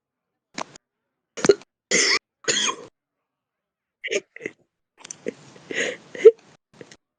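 Clusters of harsh, forceful coughs and throat clearing, about ten bursts in a few seconds; heavy smoker's cough.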